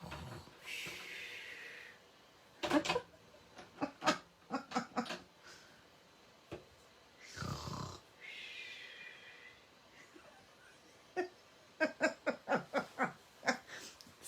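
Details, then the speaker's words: Cat snoring across the room, mistaken for husband and dog; two long, raspy snoring breaths about seven seconds apart among sharp tapping noises. "the snoring sounds like husband and dog on the sofa can you hear it it's the cat"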